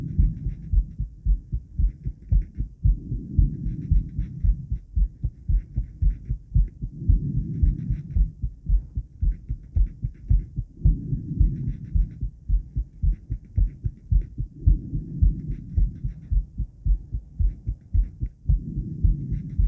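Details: Woman's own heartbeat recorded with blood pressure after 50 squats: a regular, fast heartbeat of about 110 a minute, a normal heart responding to exercise.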